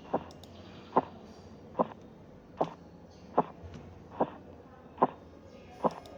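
Regular sharp tapping beats, about 73 a minute, heard under the cuff: Korotkoff sounds in severe hypertension, reading 212/132 mmHg.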